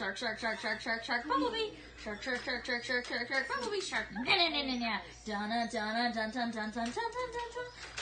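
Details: Woman on olanzapine in a sudden severe tic attack while watching a movie, service dog lying on her to calm it; vocal tics (Tourette syndrome).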